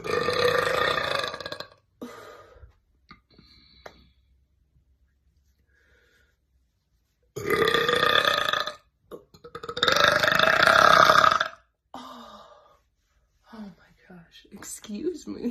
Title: Girl burping #burping #burp